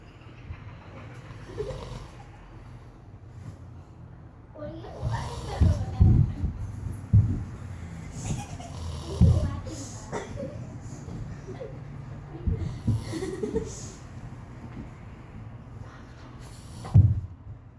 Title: He snores very loud